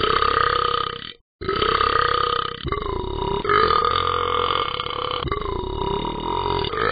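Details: Simulated burping from the Talking Ben the Dog animated app character, said to have eaten too many cans of bacon bits: several long, loud, drawn-out croaking belches in a row with brief pauses between.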